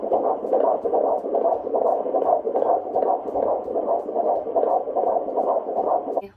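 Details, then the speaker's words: Fetal heartbeat of a baby girl at about 18 weeks of pregnancy, heard on Doppler at a doctor's appointment: rapid, regular whooshing at 150 beats per minute, a normal rate for gestational age. "Like last week. It was at 150 beats per minute, which is super good for her gestational age."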